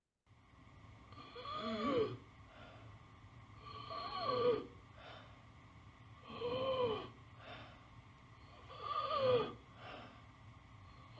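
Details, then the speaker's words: Stridor, also transmitted to the lungs: loud, harsh, high-pitched noise on each breath in, about 24 breaths a minute, from turbulent flow through a partially obstructed upper airway. "and uh you can you can create Strider Yourself by adducting the vocal cords you can partially obstruct the glotus you'll create turbulent air flow that creates that sound of Strider"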